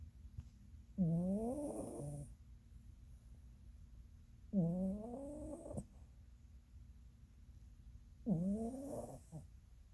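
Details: Female Norwegian Forest Cat snoring while napping: three slow, buzzing, slightly rising snores, about 17 a minute, with quiet breathing between them.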